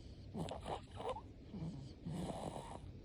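Short snorting, rattling breath noises in a brief stretch; snoring.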